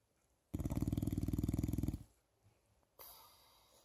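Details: Loud, rattling, low-pitched snore lasting about a second and a half, followed by quiet and brief noise; snoring.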